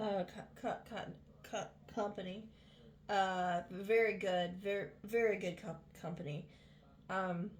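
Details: Adult woman with vocal tics, sporadic symptoms for 7 years and non-epileptic seizures, several working diagnoses and no neurology follow-up for about 3.5–4 years; speech with repetitions and interruptions; vocal tics.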